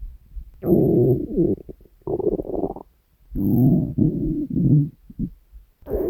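Low gurgling, rumbling growls in several bursts with pauses; normal stomach growling from hunger.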